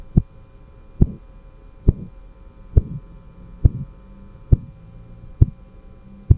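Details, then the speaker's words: Fundamental nursing lecture demonstration of Korotkoff sounds during blood pressure measurement with an aneroid sphygmomanometer: faint regular thumps at about 68 a minute under a steady hum. "아내도 이드 혈압계 를 이용한 쿠르트 코프 음을 들어 볼 건데 소리가 조금 약하기 때문에 스피커의 볼륨을 최대한 올려서 한번 들어보시기 바랍니다"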